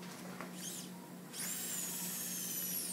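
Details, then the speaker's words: Hammertoe correction surgery on a man, Smart Toe implant: steady high whine of a powered drill with low hum, drilling down the shaft of the proximal phalanx. "Now we're going to drill the actual shaft here, the proximal phalanx, for the smart toe right down the"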